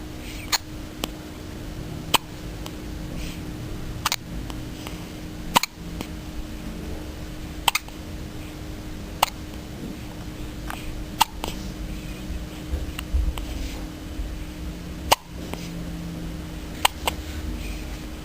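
About a dozen brief, sharp hiccup clicks at fairly steady intervals, roughly 35 a minute, over a steady room hum.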